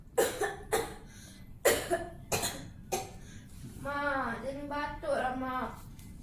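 Five sharp, harsh coughs in quick succession, followed by a drawn-out voiced sound.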